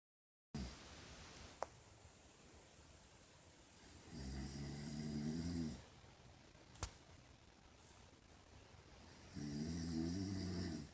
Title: My mom says that she does not snore